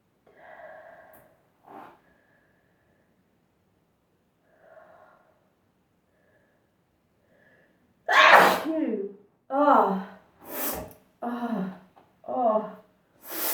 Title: One Sneeze Induced by Pepper